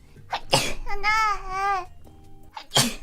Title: Most Sneezes